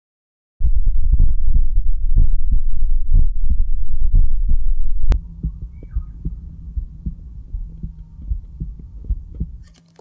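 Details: Normal heart sounds of a resting human recorded with a Littmann 3200 electronic Bluetooth stethoscope and compared with a manual Littmann Classic III: steady, regular lub-dub at a resting rate, first loud and crisp, then quieter with background hum.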